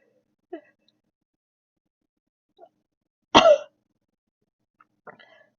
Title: embroidery sneezing